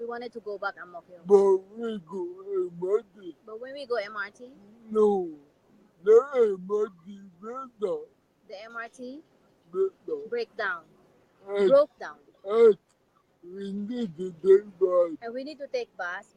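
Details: Dysarthria in an adult man with severe cerebral palsy and physical disabilities.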